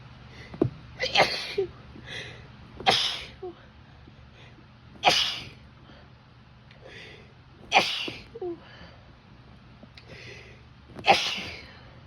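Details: Adult woman with grass pollen allergy, tickly nose, itchy throat and runny nose: five forceful sneezes in quick succession, each with a short catching breath, a rapid allergic sneezing fit.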